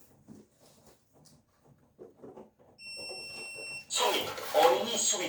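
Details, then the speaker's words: AED training demonstration for basic emergency rescue skills: a quiet Korean voice prompt, "shock advised, press the flashing orange shock button", then a steady high alert tone and loud room noise. "깜빡이는 주황색 쇼크 버튼을 눌러 주십시오."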